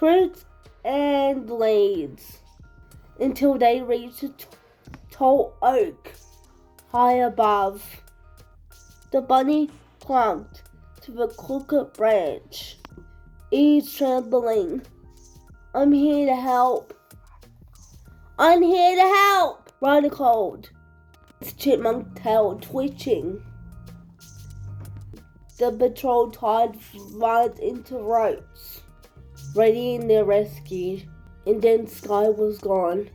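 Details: Speaker with cerebral palsy reading a story aloud; no specific speech disorder is stated; speech in cerebral palsy.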